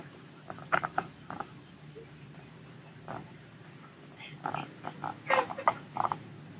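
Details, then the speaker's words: A chicken with "ngorok" (poultry snoring respiratory disease): short, rough, rattling snorts with labored breathing. Respiratory rales (snoring). "bernapasnya kurangnya super nih sayangnya itu inilah yang dinamakan ayam ngorok ya kawan-kawannya"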